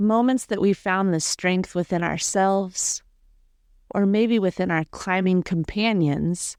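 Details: Adult woman speaking; ordinary speech.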